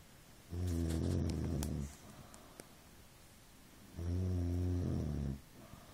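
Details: Snoring: two long, deep, buzzing, low-pitched snores about three seconds apart, steady.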